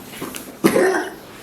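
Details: A single short, harsh cough after a faint wheezy breath from a 14-year-old male Shih Tzu with heart problems, recorded during a pre-anaesthetic exam for a right hind dew claw tumour.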